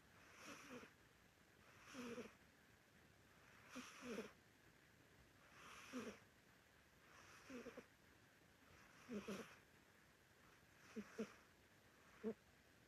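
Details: Elderly orange Korean Shorthair cat sleeping, snoring loudly: soft, regular, wheezy snuffling snores with each breath, about eight in thirteen seconds.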